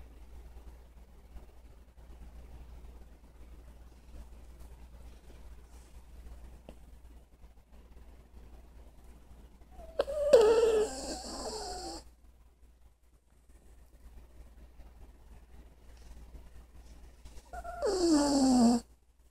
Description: Cute chug snoring like daddy.